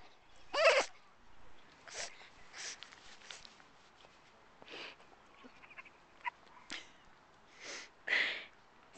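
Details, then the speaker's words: Dog giving a rapid series of short, sharp nasal sneezes, about eight in nine seconds, recorded on a Flip Video camcorder; unusual sneezing. "i've never seen a dog sneeze like that"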